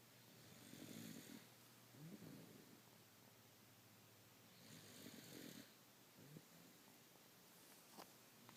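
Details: Girlfriend asleep and snoring: quiet, low rumbling snores alternate with soft breathy exhalations roughly every four seconds over faint room hiss; light snoring.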